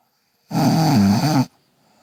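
A single loud, rattling inward snore lasting about a second in a quiet room.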